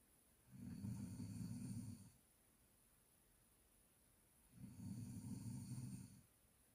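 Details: Two long, loud, low, rumbling snores about four seconds apart, with quiet between them; ordinary snoring.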